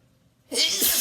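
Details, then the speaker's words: Adult resting in a bathtub after wine, sneezing fit induced with chhinkni sneezing powder, nose burning; a brief quiet intake, then one loud, explosive, hissing sneeze. "I'm waking up the neighbors with my loud sneezes. I gotta be quiet."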